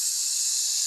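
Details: Acted imitation of stuttering by a speaker demonstrating a prolonged 's' onset on one word; stuttering (sound prolongation)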